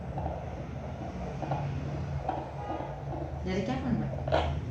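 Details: Fetal heartbeat heard on a fetal Doppler at a midwife's check, 23 days before delivery; fast, rhythmic whooshing pulses, the normal sound of a baby's heartbeat late in pregnancy.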